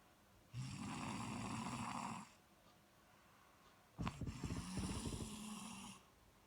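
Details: Snoring during sleep: two long, rough, rattling snores separated by a quiet pause, the second with a fluttering, vibrating quality.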